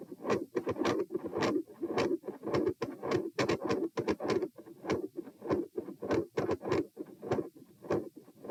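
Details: Heart recording at position p, standing: harsh machinery-like PDA-like murmur at about 100 a minute, fading in and out, then a major pattern change with loud split S1 and S2 murmur; ASD/PFO pattern not apparent, possibly L-R pressure.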